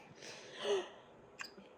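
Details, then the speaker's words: Infant boy's hiccups: a soft breathy sound, then a single short sharp catch of breath, a normal hiccup episode. "That sounds like the baby with the hiccups."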